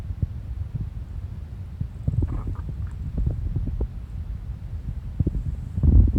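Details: Pet cat lying sprawled, belly sounds: low muffled gurgles and soft pops of stomach rumbling with some rustling; ordinary bowel sounds (borborygmi).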